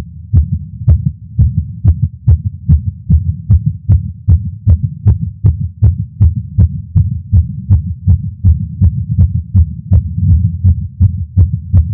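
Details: Male's heartbeat recorded with a Stemoscope while smoking a cigar after not smoking for a while, feeling lightheaded: fast, steady thumping heartbeat, roughly 150 beats a minute, with a low background rumble; tachycardia after nicotine.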